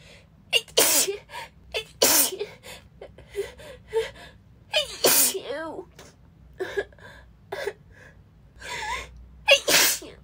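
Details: Sick woman sneezing repeatedly, unable to take a full breath in between: a rapid run of about five sneezes, each cut off by short gasping in-breaths.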